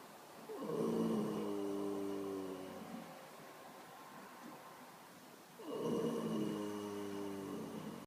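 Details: Two long, rattling, buzzy snores about five seconds apart with quiet breathing between; snoring during sleep.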